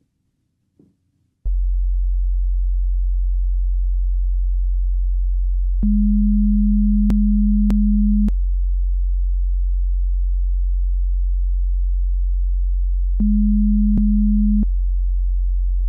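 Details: Simulated ASMR role-play hearing test over headphones: two steady pure-tone beeps over a low background hum, separated by sharp clicks, in a tricky grouped-beep, higher-pitch and click-counting section; audiometry pure-tone beeps.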